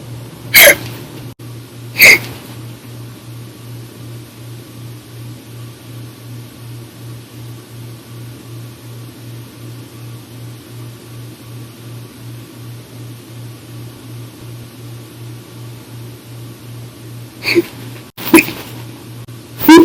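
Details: Five sharp, abrupt hiccups at irregular intervals over a steady low hum, from audio-only recordings of hiccup bouts lasting about two to three hours after drinking soda after dinner: hiccups.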